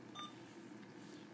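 A single short electronic beep from an infusion pump during menu navigation, over quiet room noise.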